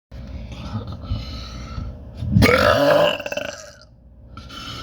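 One long loud burp rising out of a steady background hum, with a rough rattling quality.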